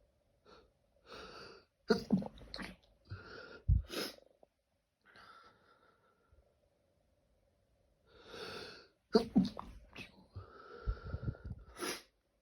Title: Late night sneezing